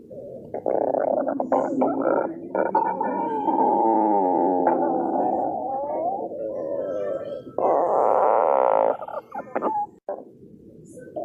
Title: School GF stomach growling